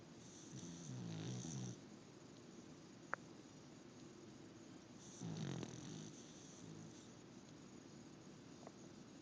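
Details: Gentle snoring: two soft, low, rattling breaths drawn in a few seconds apart in a quiet room.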